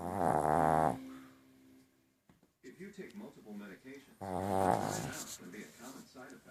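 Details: Two long, buzzing, rumbling snores from a sleeping little white dog, first mistaken for a grandfather's snoring, with television talk in the background; snoring.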